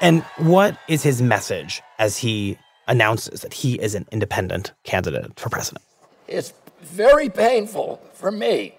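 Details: Adult men speaking, news narration; ordinary speech.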